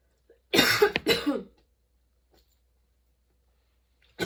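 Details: Sudden-onset, unexpectedly long nonstop coughing fit that kept worsening, bringing tears and constant position changes: two harsh, forceful coughs close together, then quiet; part of a coughing fit.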